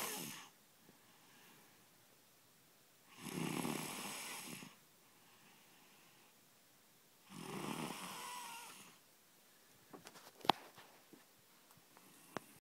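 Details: Snoring during sleep: rough, fluttering snores on two breaths about four seconds apart, roughly 14 breaths a minute, with quiet pauses and a few small clicks near the end.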